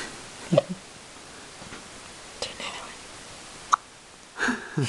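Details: Young daughter with tiny hiccups: several small, abrupt voiced gulps a second or more apart in a quiet room.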